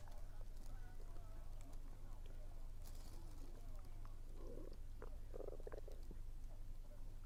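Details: Low gurgling and bubbling rumbles with a few squeaky tones and faint chewing noises while eating, frequent that day, attributed to low air pressure; ordinary active bowel sounds.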